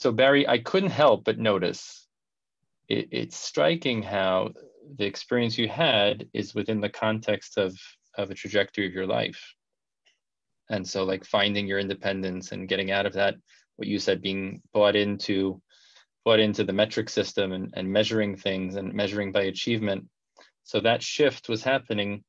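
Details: Adult speaker; normal speech.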